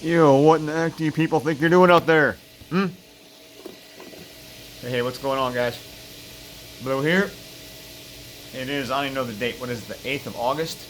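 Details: Man living with throat cancer, constrictor muscle removed from the back right side of his throat; hypernasal speech with air escaping into the nasal cavity and a lisp on s sounds; varies, sometimes almost normal, slow progress.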